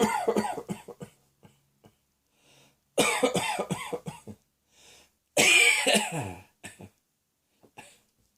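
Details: Person described as still coughing as usual: three bouts of rapid repeated coughing, several coughs in each, with short pauses between; ongoing repetitive cough.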